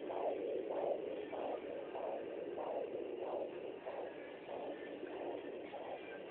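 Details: Fetal heartbeat heard through a Doppler, rapid, regular whooshing pulses within the normal fetal range: normal fetal heartbeat.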